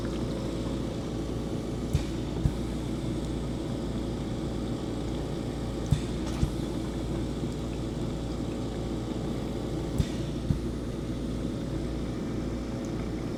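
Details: Steady low hum and rumble with faint periodic clicks: a home oxygen concentrator switched on in a room to compare its noise level with ambient room noise of about 43 dB.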